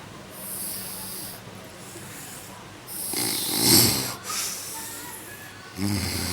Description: my dad snoring hahaha